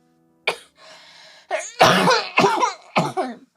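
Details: A short catch, then three forceful coughs in a row from a girl, with brief background music at the start.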